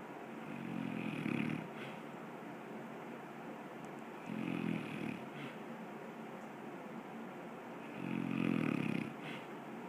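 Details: Drew, asleep, snoring: three rhythmic snores roughly every 3.5 seconds, about 17 breaths a minute, over a steady background hum.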